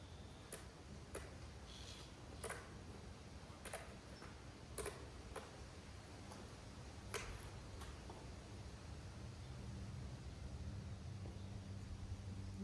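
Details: Dalmatian puppy, female, undergoing BAER hearing test to check each ear for congenital deafness, protesting at sitting still: faint, sharp repeated click stimulus over steady room noise.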